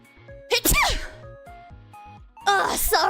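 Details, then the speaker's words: Two forceful sneezes from a woman, the second starting with a sharp inhaled gasp, over soft background music. "I just I really had to sneeze I really oh it was good to get over with okay let's um let's keep going"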